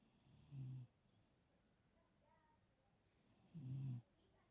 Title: Sharing my pillow with a snoring Cavapoo.